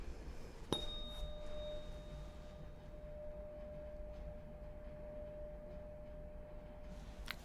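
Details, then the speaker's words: Struck 512 Hz (C note) tuning fork rings a clear, steady pure tone that slowly fades, during a role-played (ASMR) cranial nerve exam hearing test, patient with eyes closed reporting left or right ear; hearing intact. "okay so i'm going to be using a tuning fork for this test this is a c note it is a 512 hertz tuning fork okay so i'm going to be striking the tuning fork"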